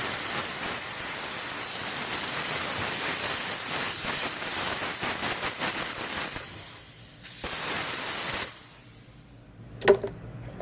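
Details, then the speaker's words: Reliable 5000 dental lab steam cleaner (50 PSI, up to 221 °F) in an orthodontic lab, used to remove wax and debris from retainers; loud hissing spurts weaken and stop as it reheats, since it is not suited to continuous use. "you get a good amount of steam but it gets weaker the longer you use it"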